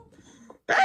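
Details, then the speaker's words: A single short, harsh cough from a child (boy) after a quiet stretch, teased as coughing like an old person; inhaler and cough medicine mentioned. "Kenapa batuk macam orang tua? [ketawa] >> Saya kan laki."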